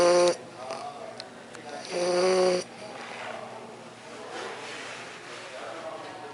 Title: Snoring Bulldog